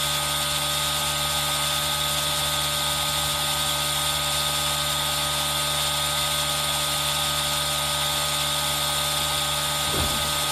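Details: Aerosol nebulizer running for ASMR with rain sound mixed in, recorded on a Zoom H1n: steady high-pitched mechanical hiss and hum, continuous throughout, over faint rain-like background noise.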